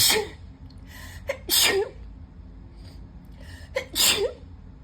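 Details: Sneezing fit.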